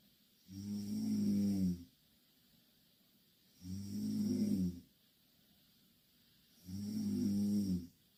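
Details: Three loud, regular snores of about a second each, roughly 20 breaths a minute, with silent exhalation, from two Korean girls sleeping in the same bed; snoring.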